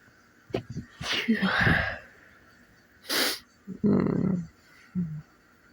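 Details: Repeated sneezing just after waking: a run of forceful sneezes with breathy moans and sighs between them in a quiet room.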